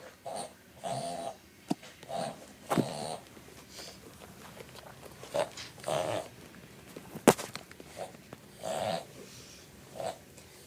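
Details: Boston Terrier, a brachycephalic breed, in a reverse sneezing fit that begins with licking his snout: repeated rapid honking, snorting inhalations. Not asthma and not life-threatening in itself; reverse sneezing.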